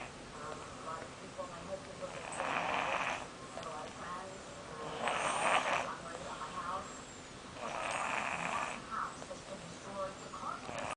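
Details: Snoring during sleep: regular rasping snores, about one every 2.5 seconds, against a steady background hiss.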